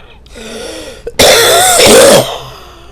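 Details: Acute bronchitis: harsh throat-clearing followed by one long, loud, rattly cough burst, a wet, productive cough.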